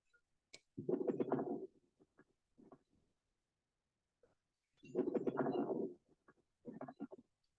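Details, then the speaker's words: Simulated breaths on a SimMan training manikin with fine popping crackles over each breath: crackles. "this sound is crackles so let's get to the point what is the difference between crack and citation"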